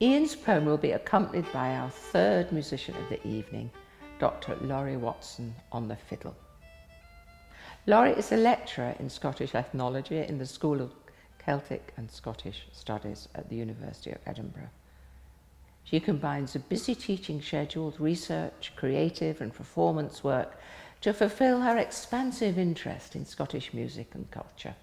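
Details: Adult male speaker; Normal fluent speech.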